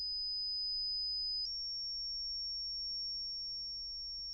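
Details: Simulated pure-tone audiometry in an ASMR audiologist exam roleplay: a steady high-pitched pure tone through headphones steps slightly in pitch partway, and the listener presses a buzzer when heard.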